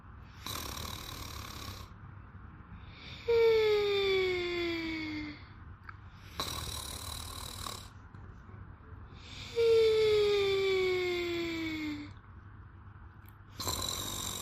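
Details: A sleeping woman snores with slow, regular breathing of about ten breaths a minute, a whistling, falling tone on each breath and rough, noisy breaths between.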